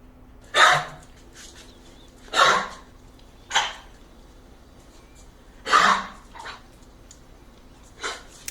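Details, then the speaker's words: Dog coughing: about five to seven repeated harsh, forceful bursts of expelled air, a sample of a canine cough. "Coughing is an expulsion of air. We are going to watch a short video to recognize what a cough sounds like."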